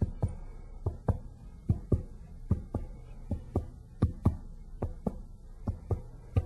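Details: Percussion during an abdominal exam on a patient without pain: the note changes from lung resonance to liver dullness.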